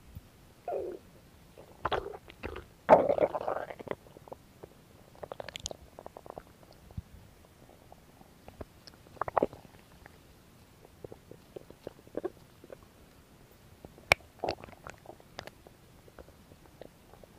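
Scattered gurgles, squelches and rumbles from the belly with quiet gaps between them; ordinary stomach growling.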